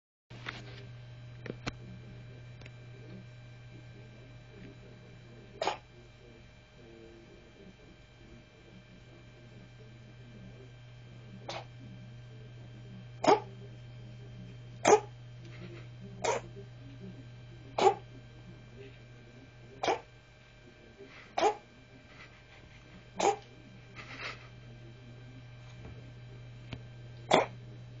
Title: my cat cough a furball or something